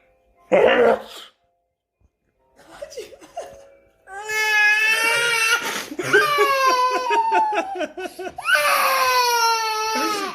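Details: 200-day-old infant startled by the father's sharp sneeze; after a brief pause the baby bursts into loud, wailing crying.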